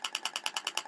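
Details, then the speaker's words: Shockwave therapy applicator firing, triggered by foot pedal or touchscreen; rapid, regular sharp clicking pulses, about ten per second. "Eu posso dar o disparo pisando no pedal ou pisando na tela de aplicação."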